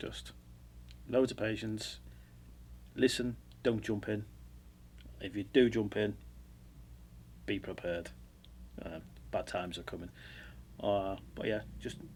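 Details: Adult male speaker; unaffected speaker.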